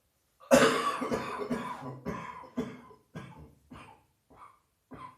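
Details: A harsh, heavy night-time coughing fit of about ten coughs, close together then trailing off: a chesty cough from a heavy chest cold.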